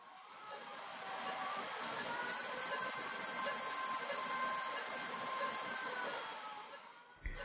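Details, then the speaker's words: Phacoemulsification in a 75-year-old woman with a hard nuclear cataract, direct chop technique: rapid regular pulsing hum with a high tone as fragments are emulsified in a controlled manner to minimize turbulence. "emulsification of the fragments is being done in a very controlled manner to minimize turbulence"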